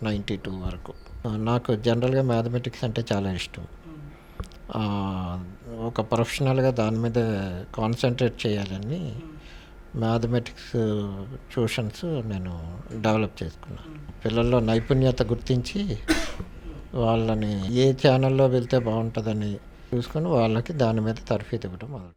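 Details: Man bedridden about 30 years with motor neurone disease, only his right hand able to move, half of his mouth stiffened, taking liquid food through a gap between his teeth and speaking only with great difficulty; dysarthria (motor neurone disease).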